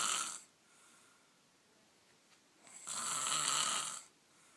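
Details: Person snoring in sleep: two harsh, hissing snores with a quiet breath-out between; snoring.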